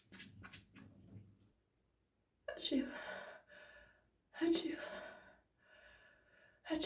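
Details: Person saying "achoo" during a build-up to real sneezes into a tissue; three spoken achoos, each preceded by a sharp intake; voiced imitation of sneezing.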